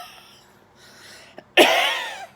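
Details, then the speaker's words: A single sharp, dry cough with a faint throat sound just before it, from a mother with a sore throat who keeps coughing and describes a little tickle. "my throat kind of hurts i keep coughing do i sound weird"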